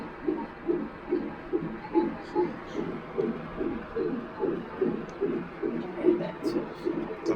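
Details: Rapid rhythmic whooshing pulses at about 143 a minute from a fetal monitor at 37 weeks of pregnancy, during an emergency hospital visit for reduced fetal movement; fetal heartbeat at a normal rate.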